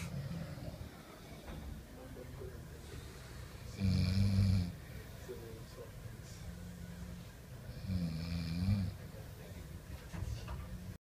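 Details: Snoring recorded in a hotel room: low rumbling snores recur through constant room noise, with two louder snorts about four seconds apart.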